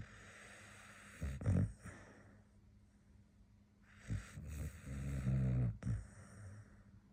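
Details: Soft low snorts and snuffling breaths from a sleeping dog, with quiet pauses between; nasal snorting during sleep.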